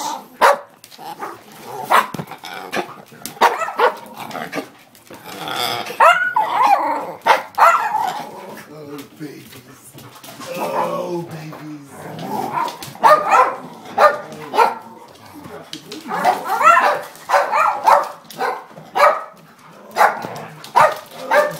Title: Alex coughing